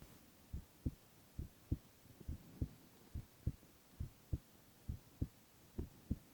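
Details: Male (boy) heart sounds in a silent, no-talking ASMR recording: steady paired lub-dub heartbeats, about 70 a minute, clear and regular against faint hiss; normal heart sounds.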